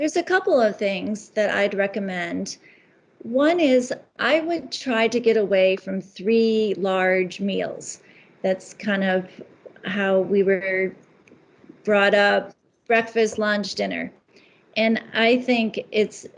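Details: Adult woman speaking; ordinary speech.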